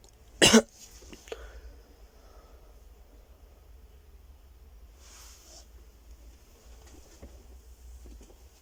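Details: Long stretch of silence occasionally broken by frenzied coughing; here a single sharp cough breaks faint room noise.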